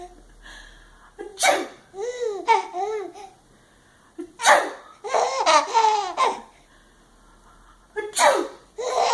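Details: Mother's simulated (fake) sneezes and coughs, a few sharp bursts, each followed by a baby's loud hysterical laughter: fake sneezing.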